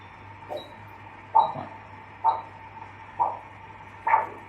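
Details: Regular whooshing pulses, about 67 a minute, over a steady hum: arterial flow signal from a unidirectional 8 MHz Doppler on an automated vascular Doppler recorder for ankle- and toe-brachial index testing.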